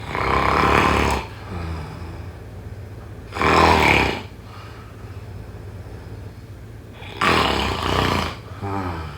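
Three loud, harsh rattling snores on breathing in, spaced about three to four seconds apart; heavy snoring.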